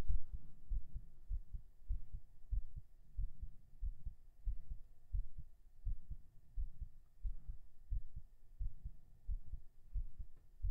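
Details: Binaural recording of a heartbeat after 37 push-ups: quiet, quickened beat at about 90 a minute with faint room hum; a heartbeat settling after exercise.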